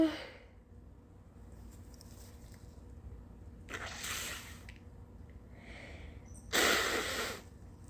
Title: Early-morning sneezes with VERY snotty nose blows (this took A LOT out of me)🤧